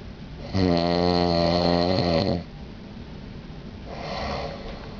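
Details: Husband snoring during sleep on a cruise, attributed to allergy to down pillows; a loud, buzzing, vibrating in-breath snore lasting about two seconds, then a softer breath out.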